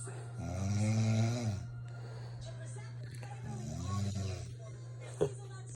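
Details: Adult woman snoring at 2 a.m., loud enough to wake spouse and cat: two loud, low, droning snores about a second each, pause between, over room hum and background TV. Snoring.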